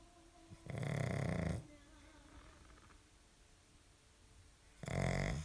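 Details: Sleeping pug (flat-faced dog) snoring: a loud, rattling snore lasting about a second, a quiet pause, then another long snore.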